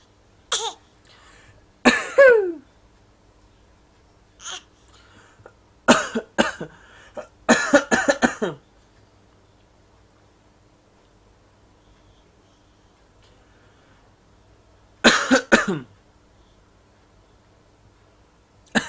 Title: baby acting cough, 6 month.